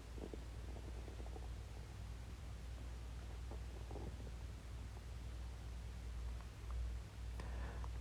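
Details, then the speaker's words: Man's stomach growling: low, continuous rumbling and gurgling from the belly over several seconds against steady room hum; ordinary borborygmi. "vielleicht macht dein Bauch so Geräusch weil du jeden Tag cheöftest ja das kann auch sein"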